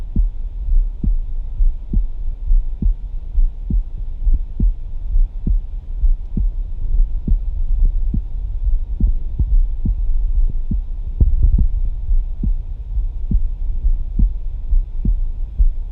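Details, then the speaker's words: Live stethoscope recording over aortic and pulmonary valve areas: regular low, smooth, musical lub-dub heartbeats about 68 a minute with a steady hum behind; normal heart sounds. "listening to the smooth sounds of the heart it's typing along Auto heart sing loved up loved up thought loved very gorgeous soothing heart beat and curse a musical heartbeat it's like a bell"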